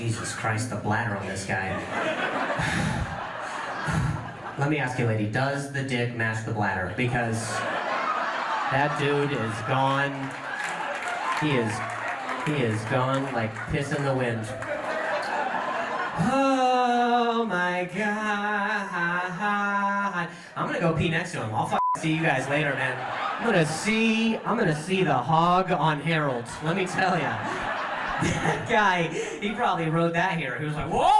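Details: Comedian, adult male, with stuttering who says hearing noises in his ear while talking makes him stutter; live stand-up crowd work, stuttering.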